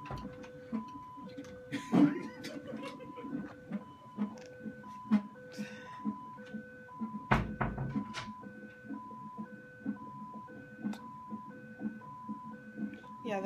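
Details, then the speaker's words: Steady repeating two-tone beeping with rustling: a fetal monitor alarm during the fourth weekly non-stress test, done late in pregnancy for a baby with low gestational birth weight; the belts needed readjusting. "this alarm to started going off you can see the spaces we need to kind of readjust"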